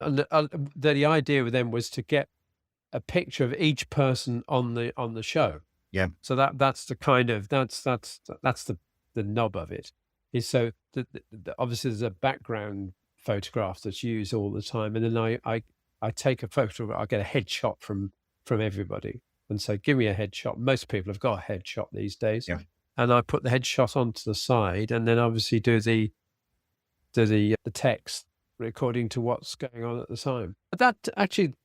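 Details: Aphasia after a sudden stroke, in a man treated with speech and language therapy; he still has trouble reading and tires as the day goes on; self-corrections and repeated words occur in his speech.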